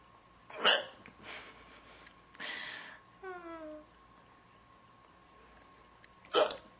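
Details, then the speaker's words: Two sharp, quiet hiccups several seconds apart from a girl, with soft breaths and a brief burp between, during a prolonged bout of hiccups; ordinary hiccups. "hiccups. Waiting for them to be over. Because I can't do anything else until they're over. It's annoying."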